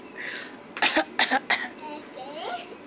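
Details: A short run of three sharp, dry coughs, followed by a child's soft voice; cough.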